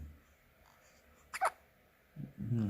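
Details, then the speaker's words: 15-day-old baby boy with hiccups: a quiet room, then one sharp, abrupt catch of breath with a brief voiced click, then soft vocal sounds; a hiccup. "Has the hiccups. This guy has the hiccups."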